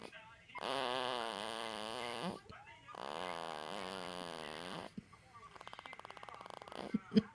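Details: Sleeping baby: two drawn-out buzzing snores with a fluttering tone, followed by quick soft clicking breaths and a small squeak; snoring.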